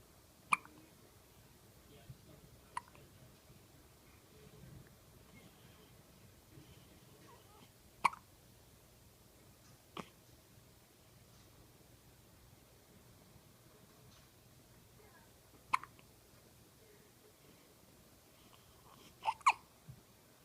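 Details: Persistent, never-ending hiccups: sharp, brief clicking gulps at irregular intervals, about seven in twenty seconds, in a quiet room.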